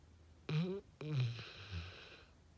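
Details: Dog snoring very loudly: two loud, low, rumbling breaths with a snorting, fluttering quality in a quiet room; snoring.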